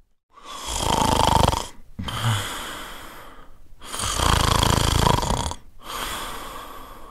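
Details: An adult male gives loud, rattling, fluttering snores on each in-breath with quieter out-breaths between, about 17 breaths a minute: snoring.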